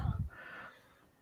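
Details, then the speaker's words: Single adult sneeze from someone reporting really bad allergies: a sharp, forceful burst of air followed by a brief voiced tail. "bless you bless you we've never had you sneeze on air before that's great i've got really bad allergies"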